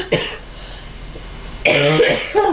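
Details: Adult cough: a brief burst, a pause, then a louder harsh cough mixed with voiced laughter in a small room, triggered by laughing at a friend's narration.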